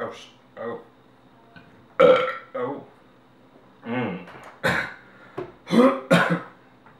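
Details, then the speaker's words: Deliberate burping after drinking Coca-Cola: several loud, voiced belches in a row, some drawn out and croaky, with short pauses between. "it is called a coca-cola at a staggering 140 calories this is what I'll be using to burp this afternoon"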